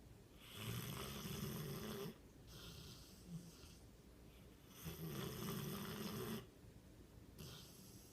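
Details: A mastiff dog snoring while asleep on a sofa: slow, rough, rattling snores on the in-breath with quiet pauses between breaths, in a small quiet room; ordinary snoring.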